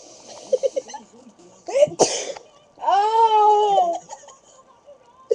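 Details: Child who has been sneezing all day takes a quick catching breath, then gives one sharp, explosive sneeze followed by a drawn-out voiced sound.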